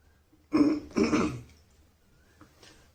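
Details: Man with a cold coughing while shaving: two short harsh throat bursts, a cough or throat clear, in a quiet room.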